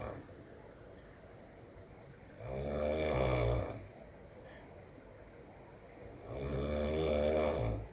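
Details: Loud rattling heavy snoring while on holiday: two inhaled snores about four seconds apart, roughly 15 breaths a minute, with quiet pauses between.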